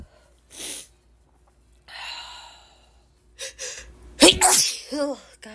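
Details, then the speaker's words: Woman with an itchy allergic sneezing fit, tagged ragweed allergies, saying she can't stop sneezing: several sharp sneezes with quick intakes of breath, the last loud with a brief voiced sound; sneezing. "I can't stop sneezing I guess I'm just gonna keep recording and see how many I how many times I sneeze so I guess we'll see good sneeze again hey oh my gosh such a Sneezy day today guys I seriously cannot stop sneezing"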